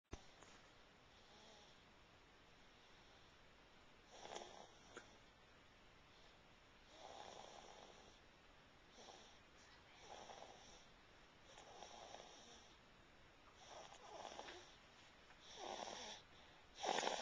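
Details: Sleeping child snoring in repeated rough breathing noises, roughly every two to three seconds, over room hiss, recorded with a Flip Video camcorder.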